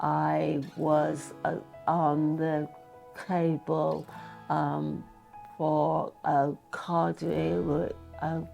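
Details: Adult woman with expressive aphasia after an ischemic stroke in March 2023, linked to heart arrhythmia, with right arm and leg weakness, in post-acute rehabilitation; sometimes says unintended words and slows down to stop herself; expressive aphasia.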